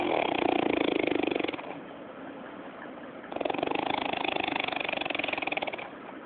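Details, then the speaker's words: Loud, rattling buzz on two long breaths with a quieter stretch between them; heavy snoring. "ये एक मोटर है जो कि खर्राटे ले रही है।"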